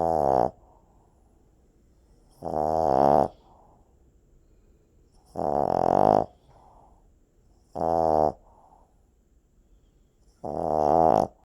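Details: Snoring puppy asleep: loud, buzzing tonal snores on each in-breath, roughly 20 a minute, with near-silence between; heavy snoring.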